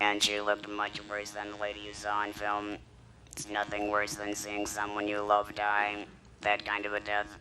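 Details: Electrolarynx speech from a woman whose larynx was removed, followed by radiation and chemotherapy; battery device held against the throat makes a beeper sound that she articulates.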